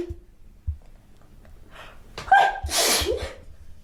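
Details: Sneeze in a sneezing bout that the sneezer suspects is caused by flowers: a quick indrawn gasp, then one loud, explosive sneeze in a small room.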